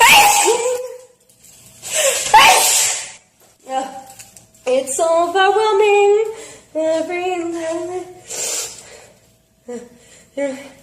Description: Girl has sneezing fit while singing. Funny.😂